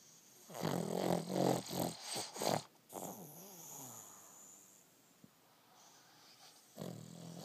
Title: Pug rocky snoring